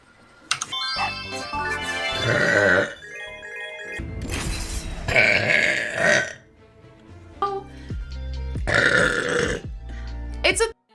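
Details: Several long, loud, drawn-out belches with music underneath from a female Twitch streamer during a stream; burping.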